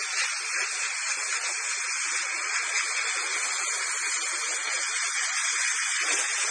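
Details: Dental Airflow air-polishing for tooth stain removal, done after ultrasonic or hand scaling: a steady, loud hiss of pressurized air and water spray.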